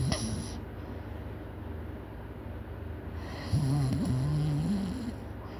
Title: Loud snoring